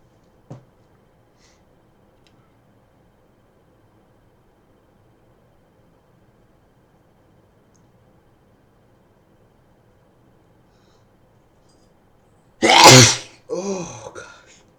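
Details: Person with a cold and a very sensitive nose inducing sneezes: after a quiet stretch, one loud explosive wet sneeze followed by a softer wet breathy sound; a single sneeze.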